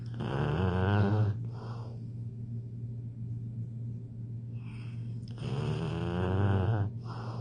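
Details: Heavy snoring in a child: two long, loud, rattling inhaled snores with a deep vibrating rumble, separated by quieter exhalations, about eight breaths a minute.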